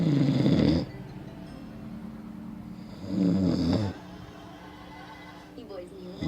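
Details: Recording of a sleeping person who denies snoring: low, rough rattling snores about every three seconds, separated by quiet breathing.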